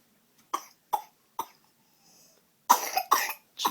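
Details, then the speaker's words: A babbling baby gives six short, sharp coughs in a quiet room, the last three louder and longer; a caregiver calls it a powerful cough: cough. "somebody has the tis do you have a case with tirs it's a powerful cough"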